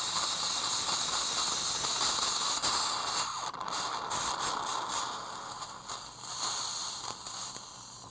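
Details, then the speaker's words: Continuous hissing spray with faint mechanical ticks as a dental air-water syringe, with air and water pressed together, rinses gritty phosphoric acid etch from tooth fissures before sealant placement. Dental air-water syringe spray. "once you've done that you want to rinse the area and i use both i press both the air and the water because it's quite gritty"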